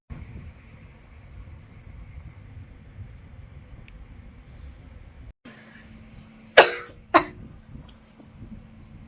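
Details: Two sharp, harsh coughs from a year-2 medical student, born Dec 2003, in her fourth week of a respiratory infection, over quiet room noise.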